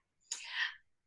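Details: Stuttering block deliberately demonstrated by an adult woman who stutters, showing what a block can sound like.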